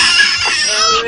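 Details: A brief, high-pitched infant cry with a wavering tone, possibly with faint music behind it.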